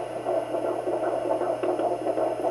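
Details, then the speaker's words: Home Doppler on a pregnant mother's belly: fast, whooshing fetal heartbeat, rates noted around 140s at rest to 155–160s when moving, baby moving and hard to locate; normal fetal heartbeat. "there it is our little baby yep must be on the move cuz it changed pretty quick there"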